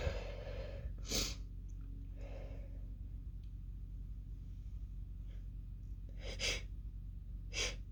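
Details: A woman's sneezing fit: several short, muffled, held-in sneeze bursts with breaths between, over a low room hum; part of a run that was almost fully stifled apart from the end.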